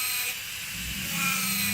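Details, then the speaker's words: Dental implant drill running steadily with high-pitched whir and slight pitch shift, using a 3 mm safe-ended sinus bur to depth in a fully guided crestal sinus lift demonstration. "so now I'm gonna grab the three millimeter sinus Berg we'll go in take it to death"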